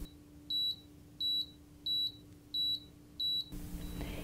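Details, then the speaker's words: Home blood pressure demonstration with an automatic digital arm-cuff monitor: five evenly spaced high beeps, about 90 a minute, as it registers the pulse while the cuff deflates; monitor pulse beeps. "you hear the beeping noise that's also taking my pulse you see what your heart rate is"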